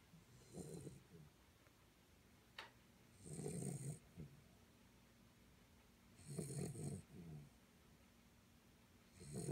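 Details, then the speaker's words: 10-week-old guide-dog puppy in training, asleep, with rhythmic low rattling snores about 20 a minute and a soft whistling edge; ordinary puppy snoring. "oh no the puppy snores"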